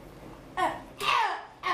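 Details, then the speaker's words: Tourette syndrome patient during brain surgery, asked to tic freely without suppressing: three abrupt, brief wordless yelp-like vocal bursts, simple vocal tics. "Okay so let's go ahead have you tick just freely don't don't suppress your ticks let them let them come"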